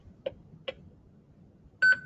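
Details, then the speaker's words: Defibtech Lifeline View AED trainer demonstration: after rhythm analysis and shock advised, the device charges. Two short clicks, then a bright electronic shock-ready tone as it prompts the user to press the flashing shock button. "analyzing heart rhythm do not touch the patient stand clear shock advised charging press flashing shot button"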